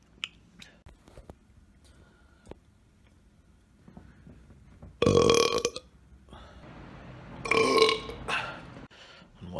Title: Burp Collection 3